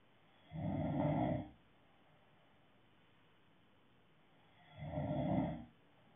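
Two rough, low rattling breaths about four seconds apart with quiet gaps between, about 14 a minute: snoring.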